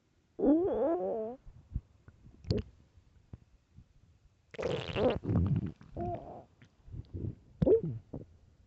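Loud gurgling, squeaky and rumbling stomach noises in irregular bursts, typical hunger growling from gas and fluid moving through the gut.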